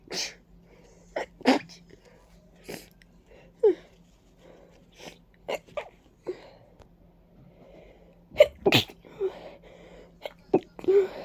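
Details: Stuffy, congested person with runny nose and watering eyes, reacting to ragweed and dust: about a dozen sharp, wet sneezes in bursts with sniffing between; repeated sneezing.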